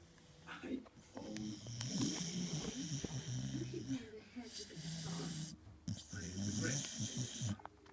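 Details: Snoring from a dog, with background noise.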